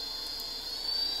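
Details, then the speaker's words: Homemade budget ventilator-alternative blower, plugged in and past its motor initialization, running in low-pressure CPAP mode: a steady high motor whine with rushing air as it blows continuously to push air into the lungs. "it starts off in a low pressure level CPAP mode so it's blowing continuously right now with the air pressure and this will push air into your lungs"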